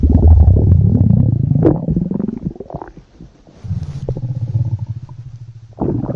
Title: (ARCHIVED) Stomach Growling